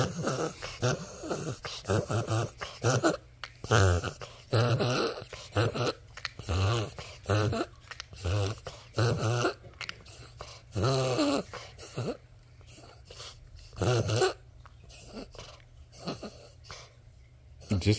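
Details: A dog makes repeated harsh, honking breath sounds in irregular bursts during an asthma attack, described as noisy, labored breathing; the owner mentions getting an asthma inhaler.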